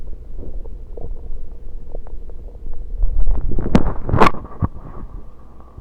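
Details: Low rumbling and gurgling with irregular pops and bursts, recorded over the stomach as gulped soda flows in, with burps; ordinary digestive sounds.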